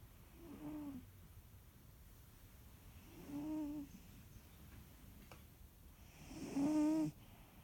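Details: Soft, faintly tonal snores about every three seconds from a sleeping animal over quiet room noise: snoring.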